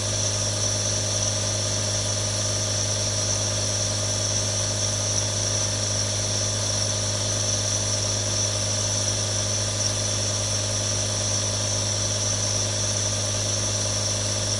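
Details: Real recording of three different nebulizers for relaxation ASMR: a steady motor hum with low buzz and airy hiss, unchanging throughout, a compressor nebulizer running normally.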